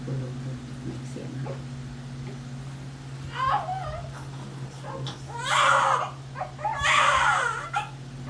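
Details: Several short, rising wails from a newborn just after a hard, painful vaginal delivery with coached pushing, over a steady room hum with faint voices.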